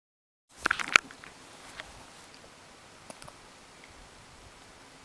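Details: Small fluffy pet's first heard hiccups, shaking her whole body: a few sharp, clicky hiccup sounds with fainter softer ones after, against quiet room noise.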